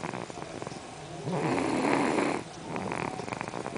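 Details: Snoring during sleep: a single long, rough, rattling snore on one breath, with quieter breathing noise before and after.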